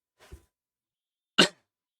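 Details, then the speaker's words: An adult speaker recovering from a cold (catarrh) gives a single short, sharp, explosive cough after a faint breathy sound in a quiet room; cough. "pero debemos tomar en cuenta y Perdonen que de repente me van a escuchar tosero hacer ruidos pero ya les había dicho que vengo saliendo del catarro que ya les había mencionado"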